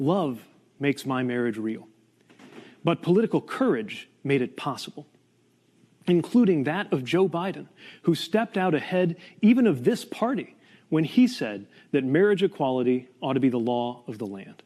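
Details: Adult male speaker; Typical adult speech.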